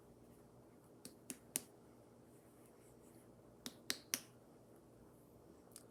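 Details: Two sets of three sharp percussion taps over a female patient's abdomen during a head-to-toe nursing assessment, giving a hollow tympanic note; a brief voice sound follows in a quiet room.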